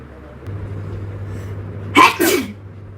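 A low hum of traffic, then one sharp forced sneeze with a quick double burst, deliberately produced rather than natural.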